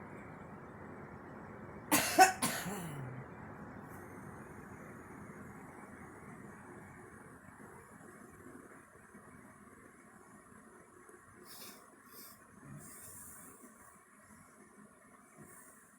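Two quick, sharp coughs from a girl, then quiet room noise for the rest of the clip.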